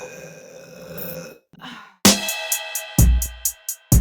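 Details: Burping compilation: loud, low, gulping belches breaking in after a quieter rumbling stretch, with rhythmic clicking in the background.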